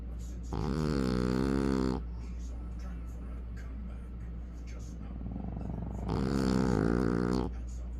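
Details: French Bulldog snoring heavily: loud, rattling snores on each breath in, about 1.5 seconds long, with quieter breathing between and a steady background hum.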